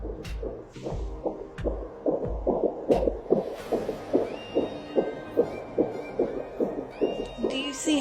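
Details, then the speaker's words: Fetal heartbeat on a home handheld Doppler at 37 weeks of pregnancy: rapid, regular galloping thumps at about 146 per minute, distinct from the whooshing placental sound. "how it's more of a heartbeat sound the wishing sound that's the difference between the two"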